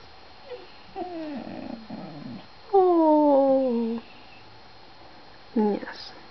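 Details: Small female dog whining in pain the day after her second knee surgery, cruciate (ACL-equivalent) ligament repair on the left hind leg after bilateral tears; high, drawn-out whines and cries with one long sliding wail.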